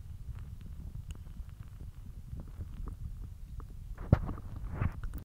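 Continuous low gurgling and rumbling with a few louder pops: hunger stomach growling, a normal sound.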